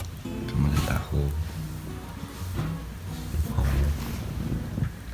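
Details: Sleeping cat snoring: low, rumbling, rasping noises in repeated breathing surges, recorded up close.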